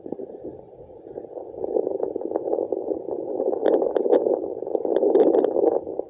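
Steady muffled whooshing with soft pulsing swishes and a few clicks, placental blood flow on fetal Doppler.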